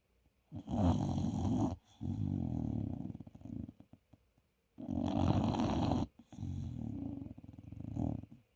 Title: Listen to this! 😂 #groovybulldogs #englishbulldog #snore #puppy